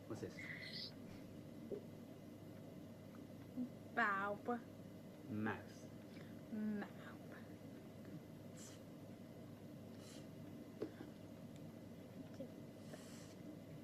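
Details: Apraxia of speech with aphasia in a woman after a massive left-hemisphere ischemic stroke at age 30 from carotid artery dissection; she initially lost speech and managed only one-syllable words, with later partial word attempts during naming.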